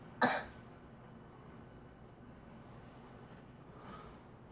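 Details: Girl coughing: a single short, sharp cough from a child, followed by quiet room noise; cough.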